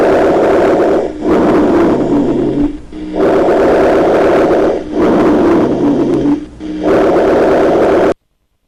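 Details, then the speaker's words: Rhonchi on lung auscultation: low, snoring, double-bass-like rumbling over repeated breaths, in both phases but mainly expiration, from narrowed medium and large bronchi, changing with cough and expectoration. "se escuchan en todas las regiones de altura son movibles y cambiantes se escuchan los dos tiempos de la respiración Aunque fundamentalmente la espiración ofrecen sensación palpable que se denomina frenito bronquial y se modifican con la tos y la expectoración"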